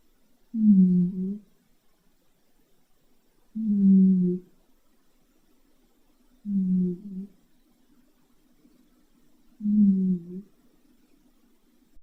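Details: Cat snoring loudly while asleep: four low, humming-rumbling snores, about 19 a minute, each on a breath with quiet pauses between.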